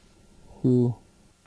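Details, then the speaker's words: Simulated common high-frequency hearing loss during a word-recognition test from a list of ten words: a single short spoken word sounds dull and muffled. "you will hear a list of ten words that will simulate a common high frequency hearing loss type them in a column"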